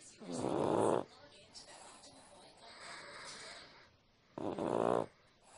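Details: Munchkin, fallen asleep on the recorder: two loud, rattling snore breaths with a quieter stretch between them; ordinary snoring.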